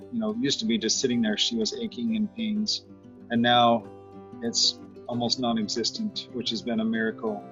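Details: Adult man speaking; normal adult speech.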